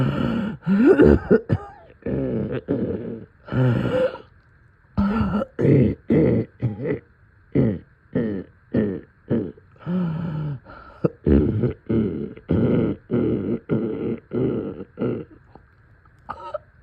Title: Middle of night coughing and deep chest congestion